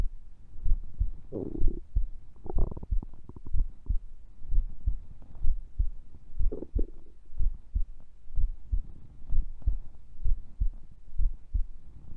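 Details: Stomach noises recorded during sleep along with heart sounds: low gurgles and rumbles over a steady dull heartbeat of about 63 beats a minute. Normal bowel sounds.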